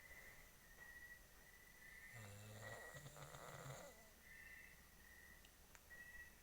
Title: My hubby snoring while Sleeping.#Howtostopsnoring